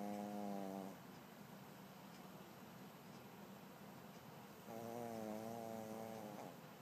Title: Snoring Guplet